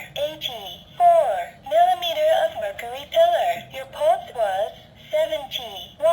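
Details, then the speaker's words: Talking Omron digital upper-arm blood pressure monitor with a speaker, recalling a stored average reading from memory in a tinny synthetic voice: systolic 141, diastolic 84, pulse 71; a spoken result readout. "atas 141 telah 84 pulsa-pulsa denyut jantung 71"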